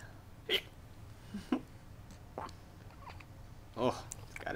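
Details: 2-week-old baby boy with recurrent hiccups: short, sharp voiced catches about every second against quiet room noise; hiccups.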